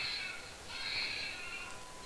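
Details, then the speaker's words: Simulated newborn cry from a software-controlled birthing and infant simulator mannequin right after delivery of the baby: thin, high-pitched wailing in two short bursts; newborn cry. "You can hear the baby's cry also, baby is crying. So baby is delivered."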